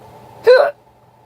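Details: One abrupt voiced gulp of air against low room hum: a hiccup in a person whose hiccups began after eating soup, real recording.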